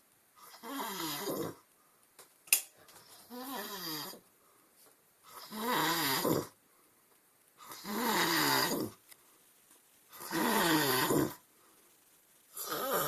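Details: Loud, rattling snores on each breath, about five at roughly 25 a minute, with quiet pauses between: ordinary heavy snoring.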